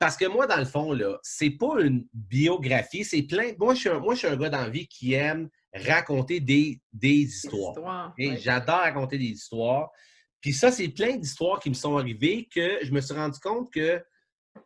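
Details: Adult man who stutters a lot in daily life but little in official or on-stage situations, more when tired or stressed; stuttering.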